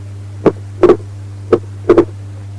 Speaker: Right bundle branch block, wide splitting of S2 with respiratory variation.